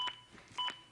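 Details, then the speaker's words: Zoll AED Plus demonstration: two sharp electronic beeps about half a second apart. The adaptive CPR metronome is synchronized to chest compressions and pushes them to at least 100 per minute. "the beeps act as an adaptive metronome that monitors my compressions and tries to speed them up to at least 100 per minute"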